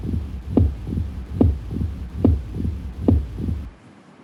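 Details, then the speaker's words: Loud S1 with opening snap heard at the fifth intercostal space, midclavicular line; regular rhythm about 71 a minute, S1, S2, then a sharp, harsh extra sound just after S2. "This is an opening snap. और ये हम सुन रहे हैं fifth intercostal space mid clavicular line पे."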